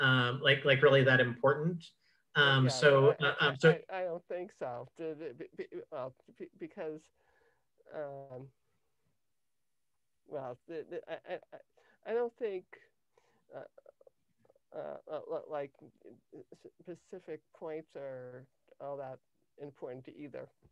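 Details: Adult woman with cluttering since age 5; cluttering.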